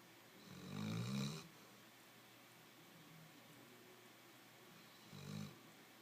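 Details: Dog (Hershey) snoring loudly while asleep at home: two loud, rattling snores about four seconds apart with quiet breathing in between.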